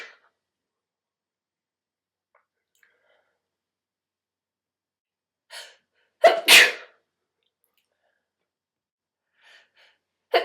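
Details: Person recording their own repeated sneezes before a shower, spliced together: a quick inward breath, then a sharp, explosive burst of air and voice, later another; sneezes.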